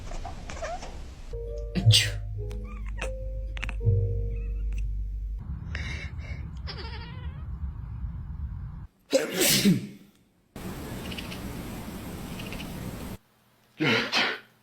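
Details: Human sneeze heard by a cat: over background music and cat sounds, two loud sharp human sneezes burst out near the end.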